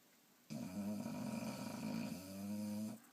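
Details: Boxer dog snoring while asleep: a low, buzzing, rattling snore lasting about two and a half seconds.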